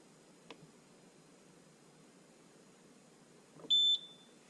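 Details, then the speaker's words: Two soft clicks, then a single short high-pitched beep during the alarm test of a BW685 blood/fluid warmer switched on from cold while pressing the down arrow, showing the audible alarm works. "At the same time you will hear an audible beep. Also, the standby blue LED will flash. The alarm will stop automatically if the temperature rises above 37°C."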